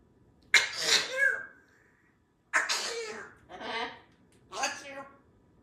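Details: Animal sneezing, possibly after getting water in its nose: a run of short, sharp sneezes, about four in a few seconds, each a sudden burst of air; repeated sneezing, allergies not stated.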